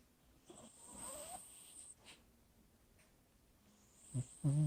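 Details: Soft snorting snores and nasal breaths from a sleeping dog, ending in two louder snorts; snoring during sleep.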